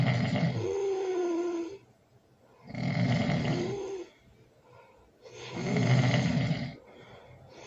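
Loud, rough snores on inhalation, each about a second long with quiet gaps between, in a small room: heavy snoring.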